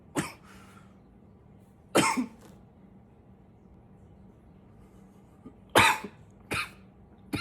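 About five short, dry coughs spaced over several seconds, with a faint background hum.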